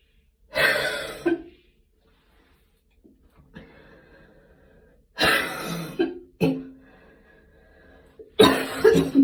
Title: post gym cough this ones actually a few months old, but i didn't have time to post it